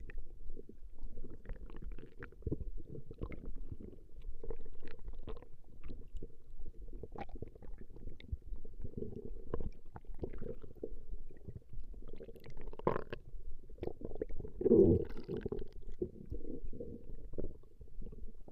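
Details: Recording of a woman's stomach growling: low gurgling and rumbling from the belly, rising and falling without a set rhythm, gas and fluid moving through the gut; borborygmi.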